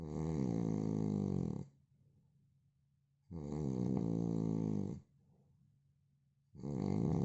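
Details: Man snoring heavily: loud, long, rattling snores on each in-breath with quiet exhalations between, about 20 breaths a minute.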